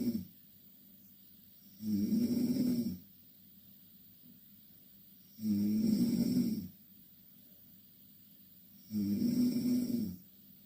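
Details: Two Korean girls snoring in the same bed: three loud, rough, fluttering inhalations about every 3.5 seconds, roughly 17 breaths a minute, quiet exhalations between.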